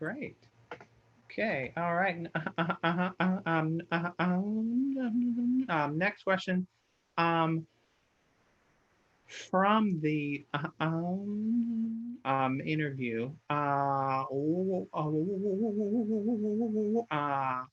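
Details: Stuttering in an adult who stutters, presenting at a webinar.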